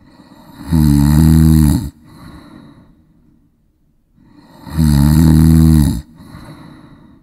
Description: Snoring sound effect for 10 minutes, snore sounds in high quality audio.